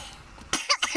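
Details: Two or three short, harsh, dry cough bursts after a quiet stretch, following inhaling marijuana smoke.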